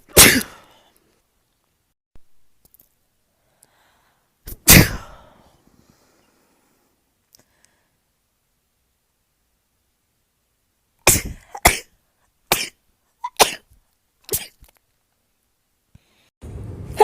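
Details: Real sneezing in a woman (Kate), who says she hates sneezing right now and it really hurts: two forceful sneezes, a quiet gap, then a quick run of about five to six sneezes; rapid sneezing.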